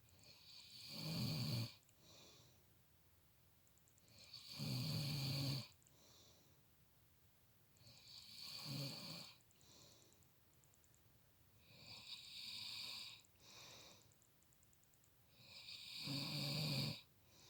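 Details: Father snoring loudly in sleep; rattling snores on each breath in, about 16 a minute, with quiet pauses between. Ordinary snoring.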